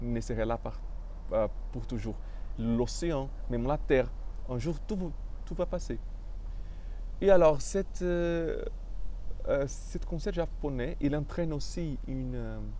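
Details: Adult male French speaker with stuttering, which he describes as having blocked him from expressing himself fully.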